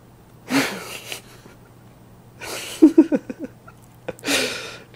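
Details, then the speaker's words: Teacup Chihuahua puppy sneezing repeatedly when his nose is petted: three sharp, explosive sneezes with small snorting sniffs between. "like it when I pet your nose you like it want to pet your nose make you sneeze"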